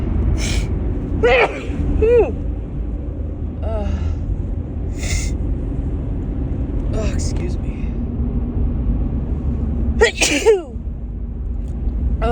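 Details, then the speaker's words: Woman's run of repeated harsh sneezes, which she calls big, with voiced gasping in-breaths between them over a steady rumbling background; she suspects a grass pollen allergy. "Oh, it was a big sneeze, holy shit. Oh my goodness, excuse me."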